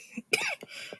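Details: One short, sharp cough with a small follow-up sound: a cough lingering for weeks after an illness.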